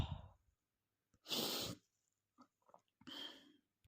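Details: Male with a cold giving quiet, hissy bursts with soft breaths between: stifled, held-back sneezes.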